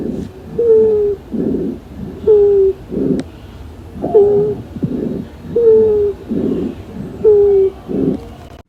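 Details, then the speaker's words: Wheezes in a student respiratory-sounds demonstration: repeated breaths with a musical, high-pitched whistle-like tone on one phase, from air passing through narrowed or obstructed airways. "Las cibilancias se caracterizan por un sonido musical y agudo parecidos a un silvido que suenan así, ya que se deben al paso del aire por vías respiratorias ocluidas u obstruidas, lo cual nos puede indicar obstrucción bronquial en caso de escucharse bilateral"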